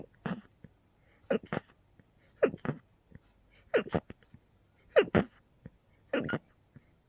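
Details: Sneezing fit in a person with a cold and allergies, with intense episodes every couple of hours that day: six sharp sneezes in quick succession, each preceded by a brief intake of breath.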